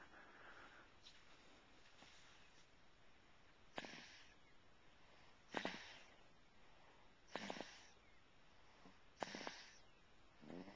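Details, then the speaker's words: Sleeping infant in a car seat after a long trip, snoring with short, rough, snorting breaths about every two seconds, roughly 33 a minute, over quiet car noise. "and now he's still in his car seat and uh he was snoring very acutely so we'll see if we can capture that"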